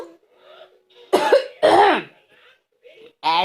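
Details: Mother's deliberate false cough, a couple of put-on cough bursts, with a young girl laughing and vocally answering, trying to mimic it; voluntary cough.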